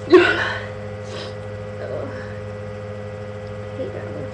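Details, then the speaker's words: Person with allergies, sneezing all day, eyes watering, trying to hold sneezes back: single loud sneeze burst followed by quiet breathy sounds in a humming room; allergic sneeze. "I'm not gonna sneeze. I'm not gonna sneeze. My eyes are watering and everything."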